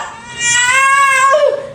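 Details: Strong, high-pitched wailing cry of a newborn just after a normal delivery, with some room noise.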